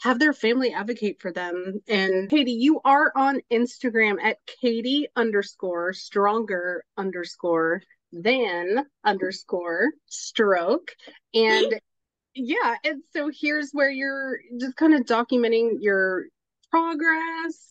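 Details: Adult woman speaking; normal speech.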